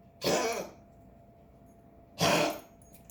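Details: Cough.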